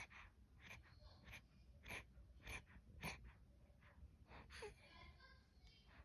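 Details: Sleeping dog snoring: rapid, noisy snorting breaths, about a hundred a minute, with some squeaky nasal sounds.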